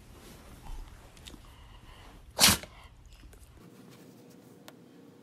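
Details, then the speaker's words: A Shih Tzu dog that rarely sneezes, sneezing: a single sharp, explosive burst of air against quiet room noise; she was fine afterwards. "Lacey, you have the sneezies. You have the sneezies?"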